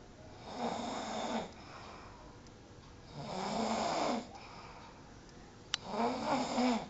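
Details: Three loud rattling inspiratory snores, each about a second long, with quiet pauses between; ordinary snoring in a sleeping person.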